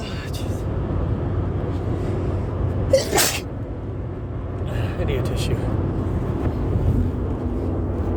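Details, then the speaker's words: Person driving home in a moving car, sneezing repeatedly through the ride with a tickly nose, possibly from the cold: one sudden sneeze over steady road and engine noise, faint sniffing afterward. "and I hope my nose settles down before I get there, because I've been sneezing the entire ride there. Yeah, they just won't stop."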